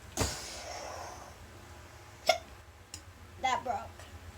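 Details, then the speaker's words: 6-year-old child with hiccups of unknown cause: a few brief, abrupt catching sounds with quiet room noise between; hiccups. "And I just hiccuped. I have the hiccups. I don't know why."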